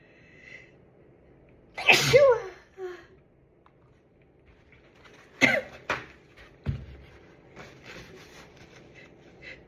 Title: cold sneezes